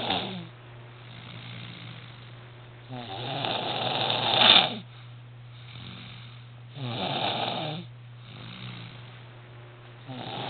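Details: Sleeping baby boy snoring loudly: soft, rhythmic snoring breaths with rattly, louder in-breaths roughly every four seconds, over a steady low room hum.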